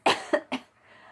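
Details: Adult giving three quick, sharp dry coughs with no wet or rattling sound, attributed to allergies; dry cough.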